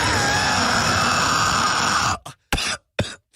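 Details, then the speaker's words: Adult man on the third day of a chest illness breathing out: a long, rough rattling exhalation, then short rattly puffs, consistent with heavy chest congestion ("death rattle"). "that is so much better than Jurassic Park noise I think you're grossing people out this way man this is day three of the death rattle I'm just saying I'm just fascinated by this noise"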